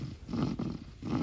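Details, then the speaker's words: Lamb with low, rough rasping bursts on each breath, a noisy wheezing respiration the owner suspects comes from a lung problem; noisy wheezy breathing. "Ben ciğerinde problem var diyorum yani ciğerde bir sıkıntı vardır büyük bir ihtimal Çünkü bu hırıltı ondan oluyor"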